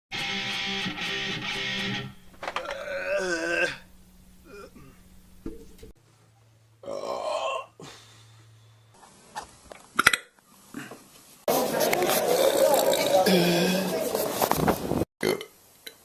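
A series of loud, drawn-out and short belches from different people, separated by music and brief talk.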